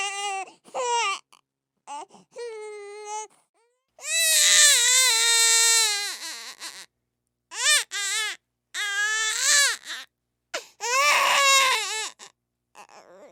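Repeated high-pitched wails from an infant, some long and sustained, broken by short gasping pauses.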